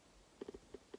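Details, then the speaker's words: Adult's stomach rumbling (borborygmi): five short, soft gurgling bursts over a quiet room background. "i don't know if you can hear but my stomach is really crumbling so last week i had a squeaky chair and now i've got a grumble in stomach"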